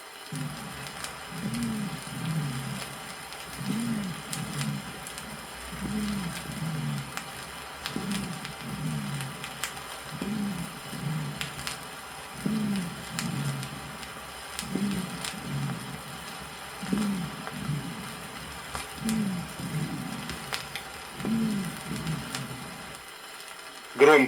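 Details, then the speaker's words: Low-pitched bass dry rales (rhonchi), described as arising in the large bronchi, from a 1964 Soviet auscultation teaching record: loud, low, snoring dry rattles repeating with each breath over faint record hiss. "низкие басовые хрипы при"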